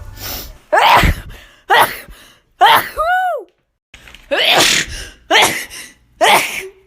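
Several sharp explosive bursts, each with a quick in-breath before it, and a brief tonal squeak partway through: a run of sneezes.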